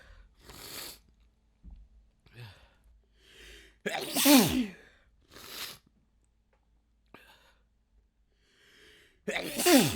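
Wind-up breaths followed by two loud, wet, explosive sneezes, with quieter breathing and small sounds between them.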